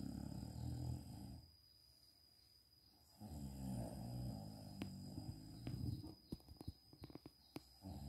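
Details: Mother napping in the daytime: low rattling snores on the breaths in with pauses between, then clicks and room noise toward the end; ordinary snoring during sleep.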